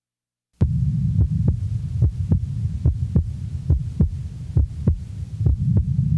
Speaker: the next example is also that of a normal individual the recording is from base left a physiological splitting is heard with each inspiration breath sounds are heard in the background